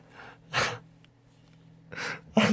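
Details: Compilation of sneezes by a young adult male singer during broadcasts: quick in-breaths followed by short explosive sneezes over low steady room hum.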